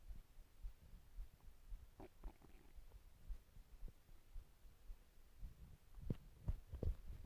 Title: My stomach growling